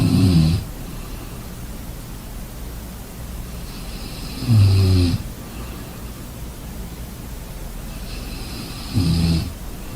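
Deep, rough snores on each breath, about 13 a minute, against steady background hiss.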